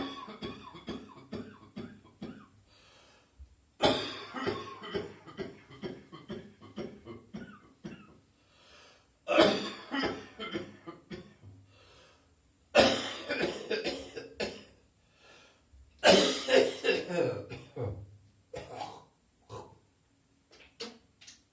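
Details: New Year coughing, gagging and spitting in an adult with an ongoing, persistent cough: repeated harsh coughing fits with gagging and spitting sounds between the bursts.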